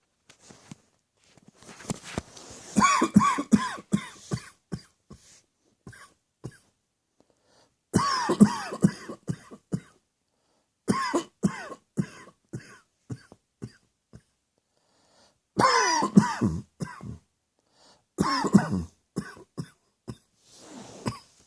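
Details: Deliberate, voluntary coughing with the mouth closed, made on request: several bouts of rapid, muffled coughs.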